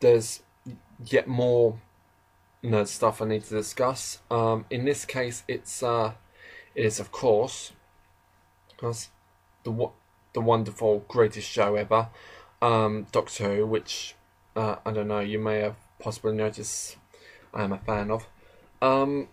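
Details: Adult man who describes himself as slightly stammering, heard in natural conversational speech with stuttering.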